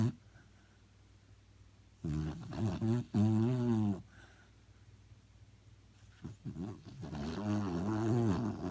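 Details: Sleeping Beagle snoring: two long, rumbling, voiced snores separated by quiet pauses, in a small room.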